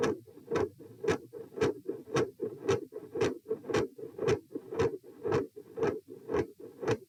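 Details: Heart sounds recorded at position P during a change from sitting to standing: consistently loud S2, variable S1, and episodes of murmur.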